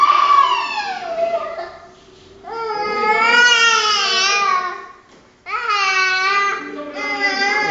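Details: Young child named in caption (Andrei) crying again: loud, drawn-out wailing cries with sobbing breaks between bursts in a small room; an ordinary tantrum cry.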